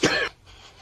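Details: One short, sharp cough, then quiet, replayed from a Korean TV drama scene where someone demands to know who coughed; cough.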